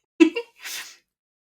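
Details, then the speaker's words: A single ordinary adult sneeze, a brief voiced 'ah' then a sharp, hissing 'choo', in a quiet room, interrupting someone reading aloud. "oh i'm gonna i'm not sure if you could hear that sneeze"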